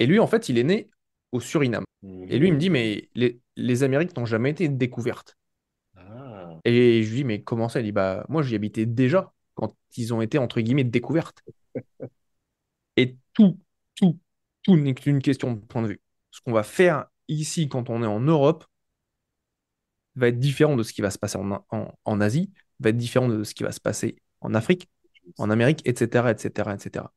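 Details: Adult man who says he has a stutter listeners may hear, though he gives conferences to hundreds of people; stuttering.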